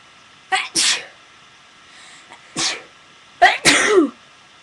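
Several sharp sneezes, some coming as quick doubles, each a short breath in followed by a hissing burst; ordinary sneezing.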